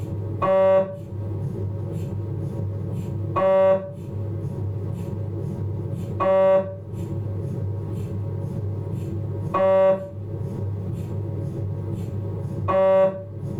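A loud hum with a short, tonal electronic burst about every three seconds, about 20 a minute; ordinary noise of an MRI scanner running a sequence.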